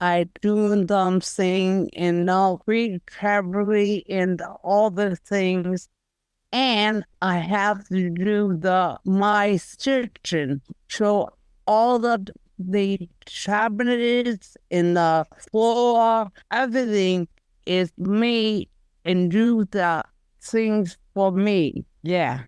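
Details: Aphasia after stroke in an aphasia group member; speech severely garbled with little content.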